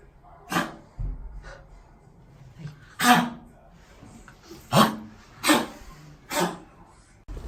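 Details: 10-year-4-month-old Pomeranian, not overweight, vaccinated incl. kennel cough, intermittent cough since age 3 suspected from tracheal restriction, now incessant after kennel stay (owners suspect choker collar): five harsh goose-honk cough bursts.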